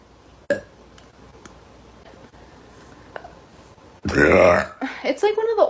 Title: Girl burping #burp #burping